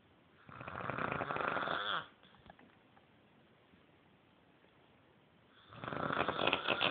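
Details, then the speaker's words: Adult woman (mother) snoring in sleep: two loud, rough, fluttering snores separated by a quiet pause. "Mom is up here snoring."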